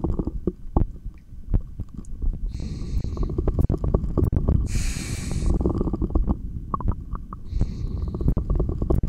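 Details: Irregular gurgling and rumbling through a stethoscope, with clicks and two brief hissy bursts, recorded during a session of long breath-holds: stomach growling (borborygmi).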